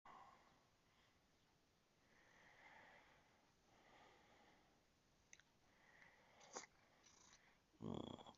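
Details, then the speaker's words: Sneezing from an apparently unwell cat (owner wishes it recovery): quiet sniffing, then a sharp sneeze burst near the end. "не чихай на меня, ой. Чего ты чихаете?"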